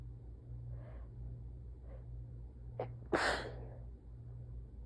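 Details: Soft, tired sneeze into a handkerchief during a sneezing fit: a couple of soft catching breaths build to one muffled, fairly gentle sneeze over a steady low room hum.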